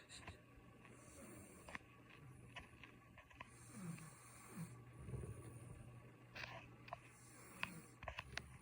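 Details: Mother snoring: low rumbling, snorting breath sounds under room noise and scattered clicks; ordinary snoring during sleep.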